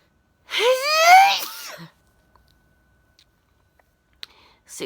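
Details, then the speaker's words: A single loud, drawn-out, voiced sneeze that rises in pitch then breaks off, followed by near silence, described as deep from the lungs; forceful sneezing. "oh jesus i felt that coming on and i got my mobile phone really quick oh this sneeze is really deep from my lungs probably woke the neighbors again"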